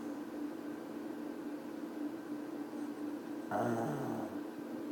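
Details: Dog snoring: a single low, rumbling snore from a sleeping dog against a steady background hum.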